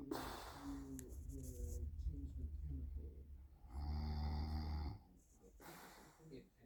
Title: Snoring (for sound clip) 20221207